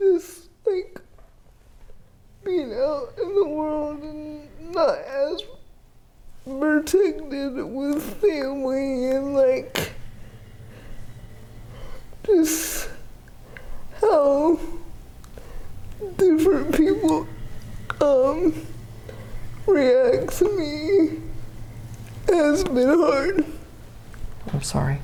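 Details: 30-year-old woman with GMFCS Level 4 cerebral palsy, quadriplegia with an athetoid component affecting arms, legs and trunk, uses a power wheelchair, repeated eye and hip surgeries; dysarthria (athetoid cerebral palsy).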